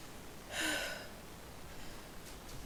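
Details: Person sneezing after a new spice triggered the sneezes: a single brief, airy burst of breath noise in a quiet room.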